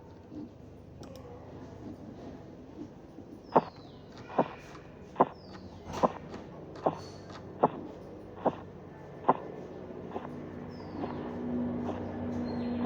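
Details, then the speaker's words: Teaching audio of blood pressure auscultation: sharp regular Korotkoff taps at about 72 a minute during cuff deflation. Systolic 182 mmHg, sounds vanish at 170, return, and disappear at 116 mmHg, showing an auscultatory gap. "notaron que en 170 desaparecieron los ruidos pero volvieron a aparecer luego hasta 116 donde desapareció la presión"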